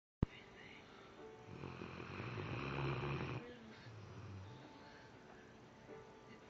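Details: Sleeping dog: a low, rattling snore on the in-breath, followed by a softer out-breath; dog snoring.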